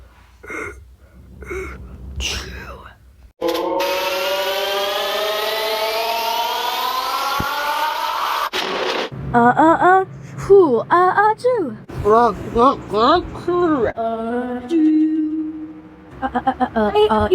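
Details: Wind-up gasps, then a long harsh tonal burst and a run of voiced rising calls; a prolonged sneeze sequence with breathy build-up.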